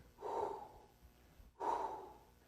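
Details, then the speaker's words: Vocal imitation of a decrescendo diastolic murmur: two breathy hissing whooshes, each starting loud and trailing off. "starts off loud and then it trails off"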